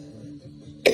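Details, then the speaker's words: Soft Christmas music plays, then an adult gives a single deliberate cough at the very end: voluntary cough. "You guys suggested the coughing and sniffling,"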